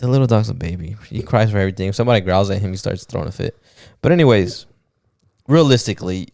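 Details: Adult man speaking; Normal voice.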